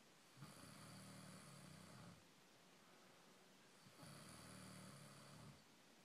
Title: Snoring stud